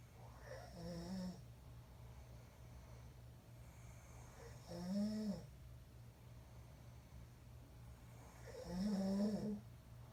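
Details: Person asleep snoring: three rhythmic snores about every four seconds, rough and slightly tonal, over a low room hum; ordinary snoring.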